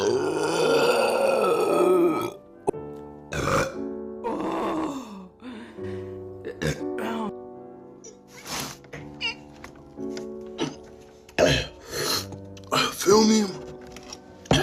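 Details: Person eating during a mukbang: several loud, drawn-out belches over background music; burping.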